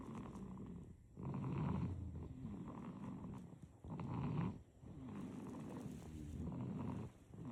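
Soft, low, rattling snores with each breath, irregular and quiet, in a sleeping infant.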